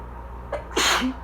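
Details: A quick indrawn breath, then one explosive sneeze during an allergy fit while reading aloud about pollination; the person says they are allergic to birch and hazel pollen.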